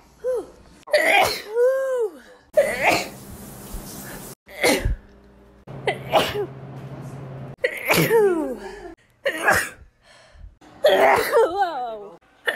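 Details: Several forceful sneezes in a row, each with a sharp vocal onset and a noisy burst of air.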